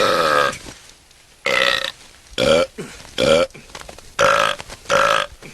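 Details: Supercut of burping scenes from different movies: six loud, drawn-out voiced belches in a row, each about half a second, with brief quiet gaps; acted, repeated burping.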